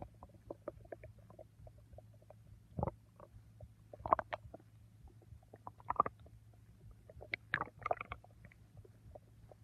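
Soft irregular gurgles and brief rumbles over a low steady hum; ordinary bowel sounds from the stomach.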